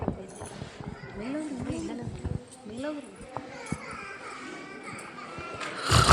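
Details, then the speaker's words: Acted snoring in a Kannada church skit of the ten virgins parable: an adult performer makes wavering, voiced, rising-and-falling snorts and groans that another character mistakes for a trumpet, with faint audience murmur behind. "ಏ ಮೇರಿ ಅದು ಅದು ತುತ್ತೂರಿ ಶಬ್ದವಲ್ಲ Routh ಇದಾಳಲ್ಲ ಆಕೆ ಗೊರಕೆ ಹೊಡೆಯುವ ಶಬ್ದ"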